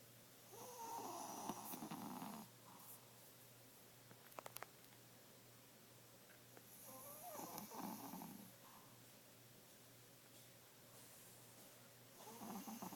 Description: This is Bunnie the 12 year old 5lb Pomeranian. He's snores like an old man.